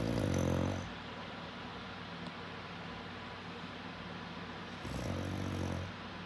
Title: Mom snoring